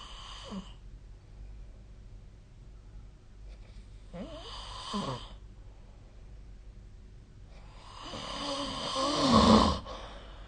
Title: 🐽 本日のイビキ / Snoring Sleep Sound 2025/05/03